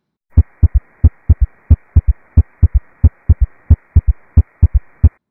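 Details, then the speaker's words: S3 gallop: regular heartbeat near 90 a minute with a soft, low third sound immediately after S2 at the beginning of diastole. "a gallop is an extra sound that can be heard during auscultation an s3 gallop occurs immediately after s2 and at the beginning of diastole"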